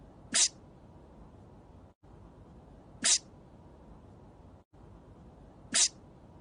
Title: Emil von Selle from Legend of the Galactic Heroes Sneezing for 1 Minute and 15 Seconds